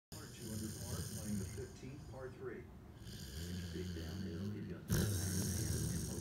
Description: My English Springer Spaniel was worn out after a hike and promptly fell asleep in the most awkward position thus causing him to snore.